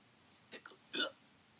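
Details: Two quick, sharp hiccup sounds, each a sudden catch of breath, in a quiet room, voiced by a storyteller reading a children's Halloween story about a skeleton with hiccups; likely acted hiccups.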